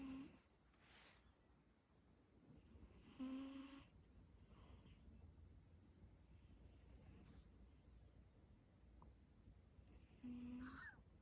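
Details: Sleeping cat: soft, faint snoring breaths over a quiet room hiss; snoring.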